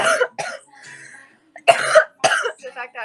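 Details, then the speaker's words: Girl chatting casually says she thought she had to sneeze but it ended up being a cough; a few short, dry cough bursts break up her talk; ordinary cough. "Fuck, I thought I had to sneeze. Ended up being a cough."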